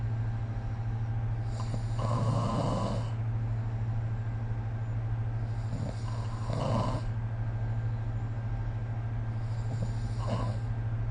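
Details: Snoring recorded with the SnoreLab phone app: three rough, rattling in-breath snores about every four seconds over a steady low hum; sleep snoring.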